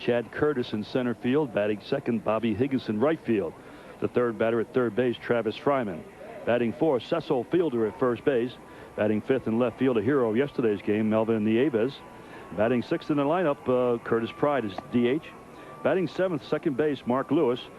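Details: Adult male sports announcer; Normal speech.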